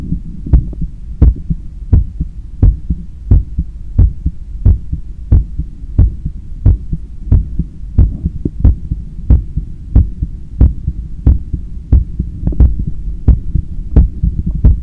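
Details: Self-recorded after a 10 km run, lying on the left side on a daybed, stethoscope on the chest while trying to control breathing; strong, regular heartbeats at about 90/min over a low hum, faster and harder after exercise; normal heart sounds.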